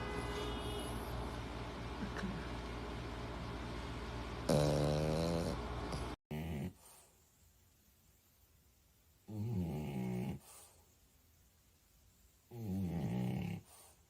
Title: Compilation of Funny Dog Snoring😁 #shorts #dogs